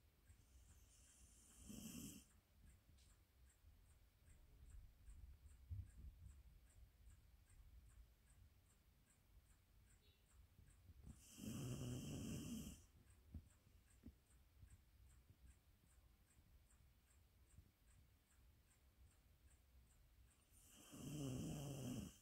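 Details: Sleeping Azawakh dog gives slow, rumbling snores about every nine to ten seconds, a normal sleep sound; snoring.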